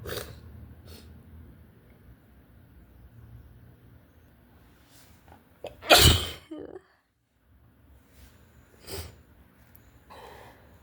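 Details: Person sick with cold or flu: one forceful, spraying sneeze with a sharp explosive burst, followed by sniffling and a smaller snort in a quiet room; sneezing.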